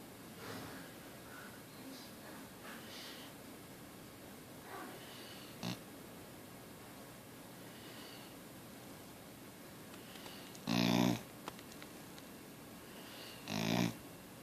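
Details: Australian Cattle Dog puppy snoring while asleep: soft snuffly sleep breathing with two louder snorting snores near the end.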